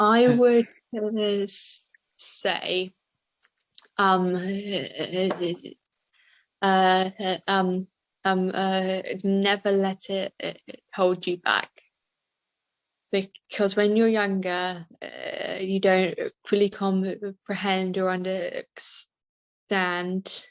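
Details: Adult woman with a stammer that varies, with fluent days and bad days, worse when anxious or tired; stammering.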